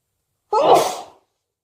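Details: A single abrupt, explosive sneeze lasting under a second from an adult with a cold.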